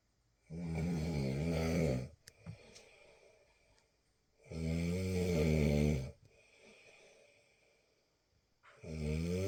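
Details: Snoring during sleep: loud, low vibrating snores on each breath in, about every four seconds, with soft breaths out between.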